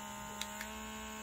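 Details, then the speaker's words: Electric baby/toddler nasal aspirator, steady low hum of a small suction motor running at a middle speed setting (speeds 1–3), with two faint clicks. "when you turn it on you have to hold down the power button and it says sp1 which means speed one and speed two"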